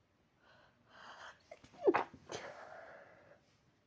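Soft indrawn breaths build to one sharp sneeze, followed by a breathy exhale.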